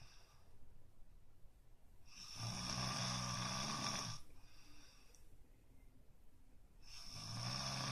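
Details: Sleep snoring: two loud, low, rattling snores on breathing in, about five seconds apart, with quiet breathing out between.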